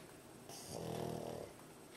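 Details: Sleeping pet pug dog snoring with tongue out: a single snorting, nasal snore lasting about a second against steady room noise.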